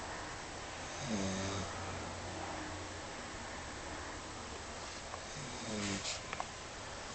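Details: Person caught snoring while asleep holding someone in their arms: two low, rattling snores a few seconds apart over steady room hiss; ordinary snoring.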